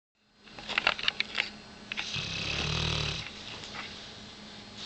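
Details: Dog (Biggie) that couldn't stop snoring; a few soft clicks, then one rough, rumbling snore on a drawn-in breath.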